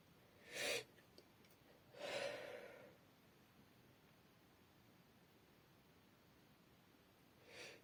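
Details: Female sneezing with tissues: two sharp, explosive bursts of air with a breathy trailing release, then a third softer burst; sneezing.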